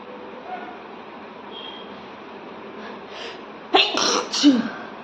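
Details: Woman deliberately provoking a sneeze with paper in a sneezing challenge: quiet room, then a sharp sneeze burst with a short follow-on sound near the end.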